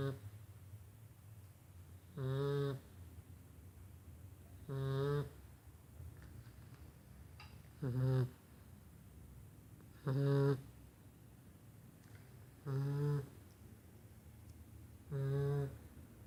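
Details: Golden Retriever puppy in deep sleep: soft, regular vibrating snores about every two and a half seconds, around 25 a minute, in a quiet room; snoring.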